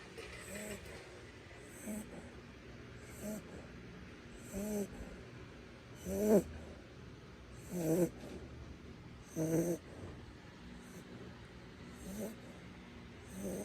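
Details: Shih Tzu snoring: snuffling, rattling snores from a small flat-faced dog, repeating about every two seconds, growing louder, then fading.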